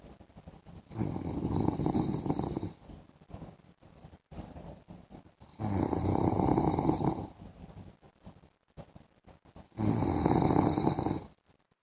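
Loud, rough, rattling snores on three long breaths, with quieter breathing noise in between.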